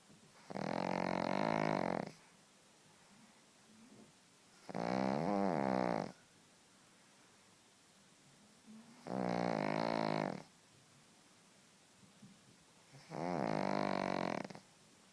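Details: Pug snoring: four loud, rattling, droning snores about every four seconds, roughly 15 breaths a minute, with quiet pauses between them.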